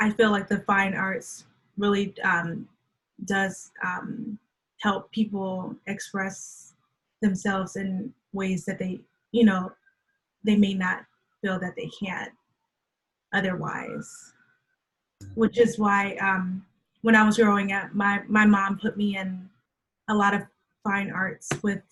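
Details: Adult woman who stutters, with onset at age three, speaking in a conversational interview: stuttering.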